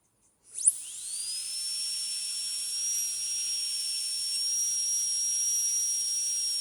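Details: High-speed dental handpiece whine rising quickly to a steady scream with spray hiss, cutting axial depth grooves with a flat tapered bur on molar 46 for a metal-ceramic crown preparation (demonstration).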